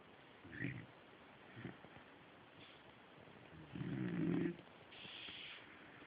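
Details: Sleeping Labrador dog: soft, irregular snorting breaths with one longer rattling snore; ordinary snoring.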